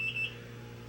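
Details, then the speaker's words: IV infusion pump alarm for a woman at 37 weeks of pregnancy before her third C-section, with the IV in her arm. Bending the arm triggers beeping though the fluids still flow: two short high beeps over room hum. "it's in my arm which is why you hear beeping because if I bend my arm too much it starts to be like I guess to inform"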